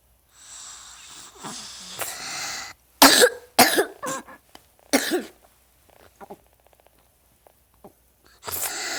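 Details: Snoring, then a run of sharp, harsh coughs and throat-clearing, then another snore-like breath.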